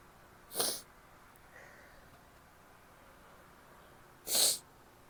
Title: wet sneezes, a couple false starts and stifles. also a nose blow (f)